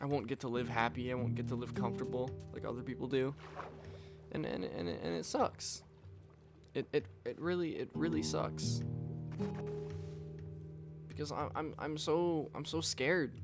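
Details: Adult man with self-reported stuttering: frequent word and part-word repetitions, especially on "I", and repeating the same phrases over and over.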